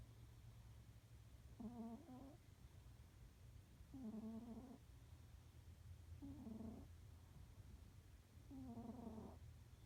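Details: Four soft, voiced snores about 2 to 2.5 seconds apart over a low steady hum from a sleeping cat, about 25 breaths a minute; snoring.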